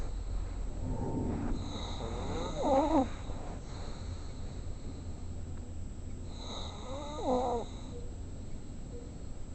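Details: Man snoring in his sleep: two low, fluttering snores on inhalation, about 12 breaths a minute, over a steady room hum; ordinary snoring.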